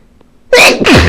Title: Girly Yet Powerful Sneezes